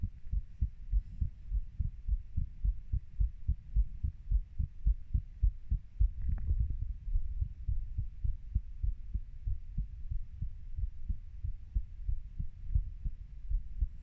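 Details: Normal heart sounds of a 30-year-old, recorded by the person themself: regular, low, muffled heartbeat thumps with a faint background hum.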